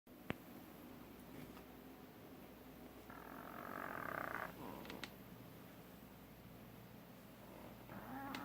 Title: Marbles snoring like an old man